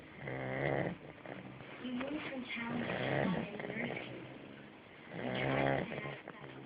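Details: Eight-week-old Staffordshire puppy snoring while asleep, rhythmic buzzy rattles on its breaths with softer noisy breathing between: snoring.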